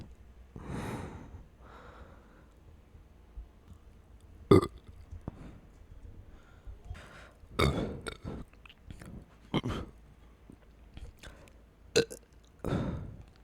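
Several loud, low, gurgling belches in a quiet room, with some mouth and chewing noises between them: repeated burping.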